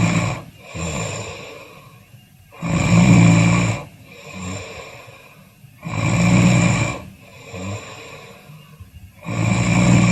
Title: Snoring compilation 108